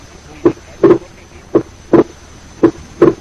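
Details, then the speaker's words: Wide persistent splitting of S2 in right bundle branch block, heard over the pulmonary area: A2 and P2 are widely separated, the split varies with respiration but never fuses during expiration; not fixed. "Listen carefully and concentrate on the second heart sound, where the A2 and P2 are widely separated. The split varies with respiration, but they do not fuse into a single sound during expiration."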